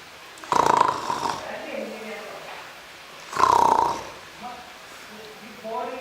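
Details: Exaggerated comedic snoring in a comedy vine: two loud rattling snore-like bursts with a whistling tone, separated by quieter sounds.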